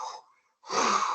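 A teacher imitates a harsh, hollow blowing breath sound: tubular bronchial breathing over consolidated lung.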